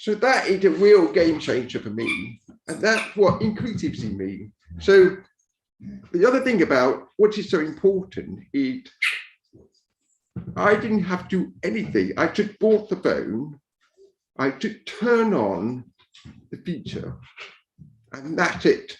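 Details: Deaf speech of a man born deaf who learned to speak rather than sign and now wears a cochlear implant after years of hearing aids; deaf speech.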